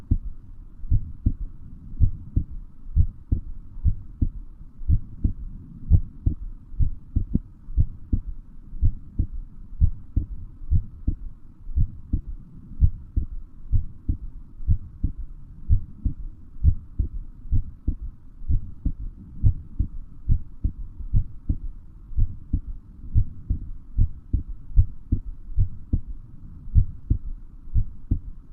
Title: Heartbeat sound